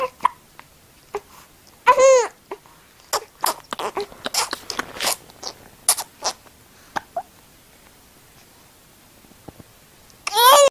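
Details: Repeated short, abrupt voiced catches with sharp onsets, some with brief squeaky vocal sounds: hiccups.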